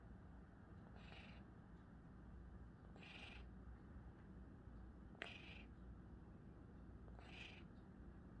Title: 22 lb cat snoring on my office chair, December 1, 2020